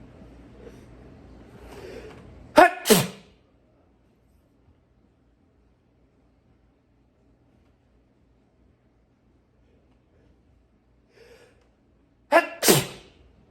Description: Big powerful sneezes.